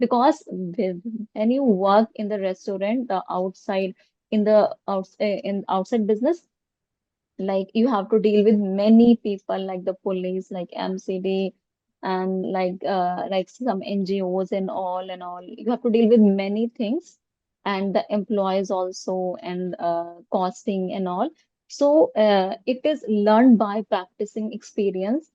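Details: Adult woman who stammers, with stammering severe in childhood and school, treated with speech therapy using prolongation and pausing techniques; stuttering.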